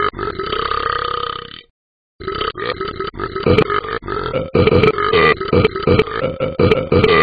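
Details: Talking Ben, an animated dog from a mobile app, burping nonstop: one long belch, a short pause, then a rapid run of repeated burps about three a second; a cartoon sound effect.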